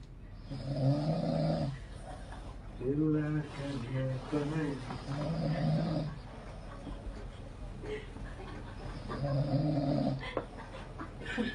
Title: Kerjain teman lagi ngorok 🤣